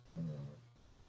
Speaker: can you hear my dog snoring my apologies I just heard him